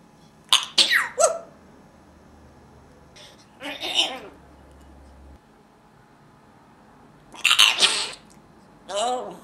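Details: Pet (Jabba) imitating its owner's sneezing, without a cold: several short, sharp sneezes, some in quick pairs, separated by quiet pauses; imitated sneezing.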